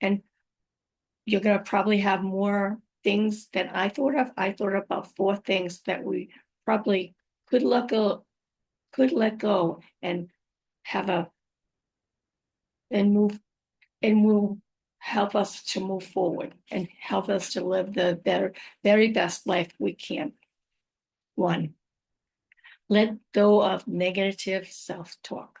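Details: Adult woman with aphasia, plus apraxia of speech and dysarthria, after a stroke about five years earlier; her speech can sometimes be hard to understand.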